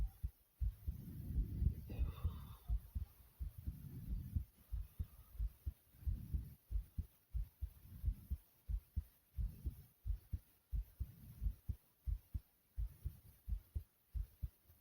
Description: my heartbeat goes from loud to low and soothing sound